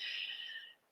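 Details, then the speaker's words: Small 14-year-old female dog snoring softly while lying near her owner's feet: a single brief, hissing, whistly breath noise that fades out within a second. "if you hear a slight little sound it's my dog snoring i have a dog who's 14 little bitty one she's down near my feet and she's snoring so i hear her"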